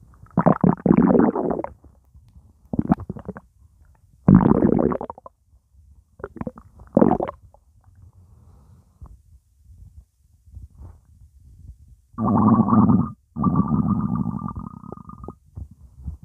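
Loud bursts of gurgling and bubbling with long drawn-out rumbles near the end, ordinary stomach sounds from fluid and gas moving.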